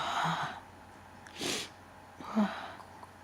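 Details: Breathy bursts separated by quiet pauses, including a sharp, noisy, very powerful wet sneeze.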